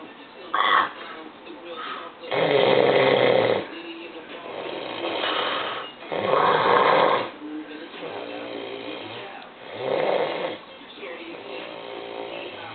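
Loud, rough snores about every three to four seconds, each a long rattling inward breath followed by quieter outward breaths; heavy snoring.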